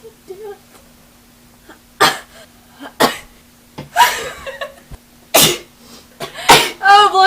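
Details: Girls deliberately inducing sneezes: four sharp, explosive sneezes with brief voiced sounds between them, over a low steady background hum.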